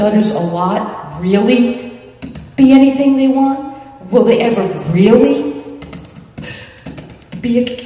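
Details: Adult speaker at a National Stuttering Association conference session (July 2009), with long pauses between word groups; stuttering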